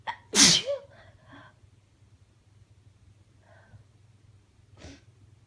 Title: Sick Sneezing (F) - Mostly stifled